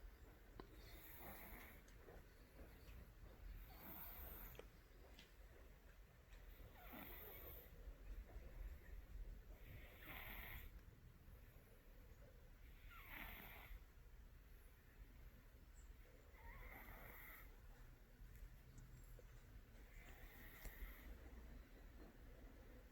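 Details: Cat snoring: soft, regular rasping breath sounds recurring about every three seconds over steady low room noise.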